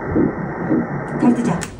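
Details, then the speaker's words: Fetal heartbeat heard for the first time at an early-pregnancy check: rhythmic whooshing pulses over a muffled hiss, a normal fetal heartbeat picked up by ultrasound Doppler. "아기 심장 소리. 아기 심장이 기 심장 소리. 다 들려 드릴게요."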